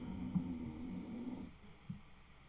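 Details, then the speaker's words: Pet heard snoring really loud in the background, picked up through headphones during a gaming recording. "if you can hear that snoring, that is my pity. Once again, she is snoring really loud today."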